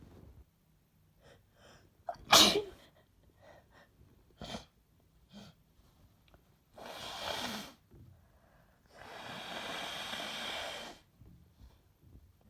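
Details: Adult nearly a week into flu, more congested with sore throat after drinking: one sharp, loud sneeze followed by long breathy nose blows and sniffs.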